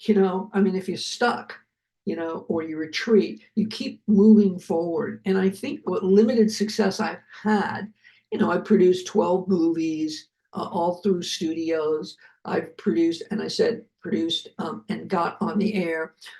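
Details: Adult male heart attack survivor with aphasia, speaking after noting his aphasia was kicking in; aphasia.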